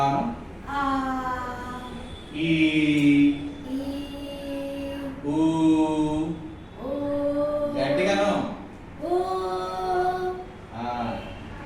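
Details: Female with aphonia after thyroidectomy doing sustained vowel phonation exercises in voice therapy, prompted to phonate louder; voice regained after about one month of therapy; sustained vowel phonation exercise in voice therapy.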